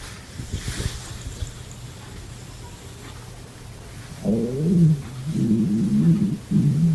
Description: This girl hasn't ate in 3 days and her stomach is very hungry